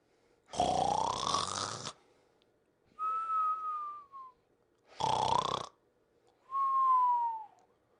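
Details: Pink Panther cartoon, simulated: loud rasping inspiratory snore alternating with a falling whistle on exhalation, repeating twice; snoring.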